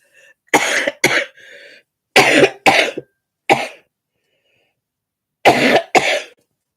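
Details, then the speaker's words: Harsh, loud coughs in pairs and singles, a coughing fit with a bad cold, cough and chest infection. "Oh, don't make me cough. Donna, don't make me cough."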